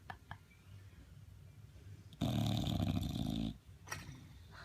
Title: Lil mick snores